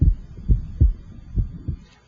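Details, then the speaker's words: Electronic stethoscope at the pulmonic area of a normal patient: steady heartbeat about 65 a minute, second heart sound widening with inspiration and single on expiration, physiological splitting of the second heart sound. "the second heart sound splits or becomes wider normally with inspiration and become single with"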